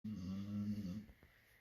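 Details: Sleeping Labrador dog snoring loudly enough to bother another Labrador: one low, rumbling, vibrating breath lasting about a second in a quiet room; snoring.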